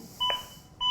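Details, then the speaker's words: Zoll AED Plus defibrillator training demonstration: two sharp electronic metronome beeps less than a second apart, pacing chest compressions during simulated CPR; CPR metronome beeps. "Je ne fais rien, la musique continue. C'est bien une preuve que c'est, comme on l'a dit précédemment, un métronome. C'est la musique sur laquelle je dois me caler en matière de rythme."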